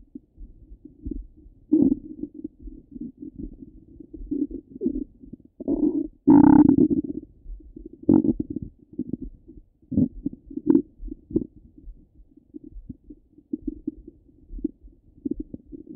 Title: Half an Hour of Stomach Rumble 🫧🩺